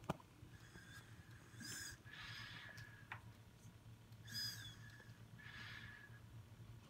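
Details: Whistling, hissing air leaks around the tracheostomy tube with each breath from a partially inflated distal cuff. Capnography is used to confirm cuff inflation and check for leaks, with a speaking valve involved.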